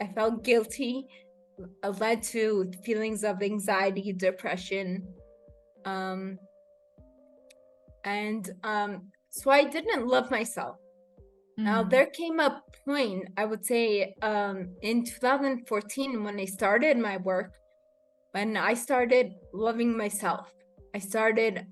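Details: Adult woman with rare degenerative cerebellar ataxia of unknown cause, diagnosed as a pre-teen; slurred speech began in her early teens; has had speech therapy; slurring worsens with fatigue or emotion; ataxic dysarthria.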